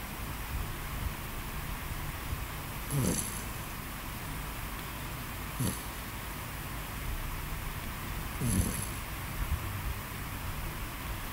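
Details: Vizsla puppy snoring while asleep: three soft, rough snores about three seconds apart over a steady background hiss.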